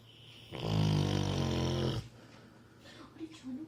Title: ऐसे खर्राटे कभी सुने हैं आपने : Very Funny Labrador Snoring